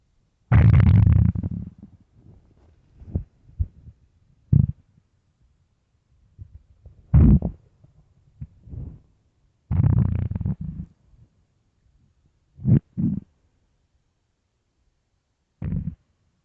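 Irregular low gurgling and rumbling bursts separated by silences: stomach growling from hunger, a normal bowel sound.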